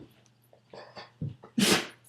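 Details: Female dog sneezing during a trick-training session: several small snorts and huffs, then one sharp explosive sneeze burst in a quiet room.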